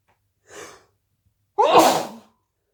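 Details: From a big sneezing fit of wet sneezes into a hanky: a brief sharp intake of breath, a pause, then one loud explosive sneeze.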